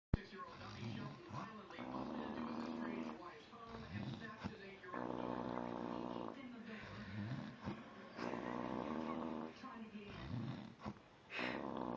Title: Funny snoring